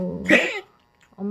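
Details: 19-year-old dog that has collapsed several times this year: a single short, harsh cough burst followed by quiet breathing.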